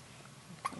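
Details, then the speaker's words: Pet animal named Raya: a single short, sharp hiccup after a moment of quiet room noise; owner remarks on her little hiccup. "a little hiccup little hiccup she's cute"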